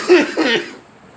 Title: Me coughing